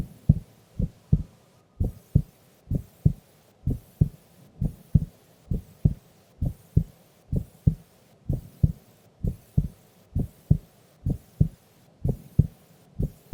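Steady, unhurried lub-dub heartbeat at about 64 beats a minute during sleep, with a soft background hum.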